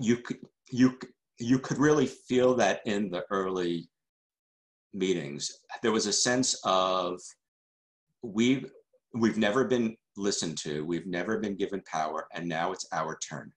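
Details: Adult male journalist who stutters and calls himself a stutterer, answering questions after a talk, with word repetitions: stuttering.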